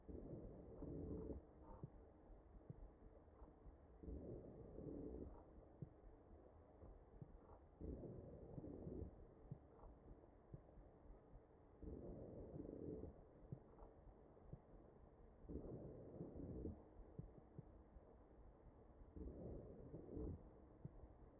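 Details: Real mechanically ventilated patient's chest: ventilator breaths with wheezing.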